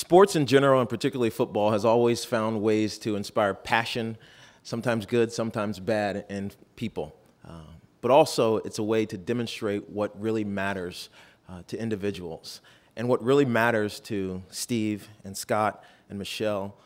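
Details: Adult male speaker; normal speech.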